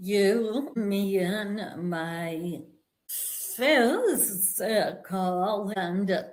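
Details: Vocal tremor in a woman; it is said to have developed after decades of narcissistic abuse and trauma beginning at age five, and she describes it as physically manifesting in her body and nervous system.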